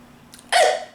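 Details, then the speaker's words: Adult woman with a hiccup fit: a single sharp hiccup, a sudden voiced gulp rising out of near silence. "I keep hiccuping and it's really distracting"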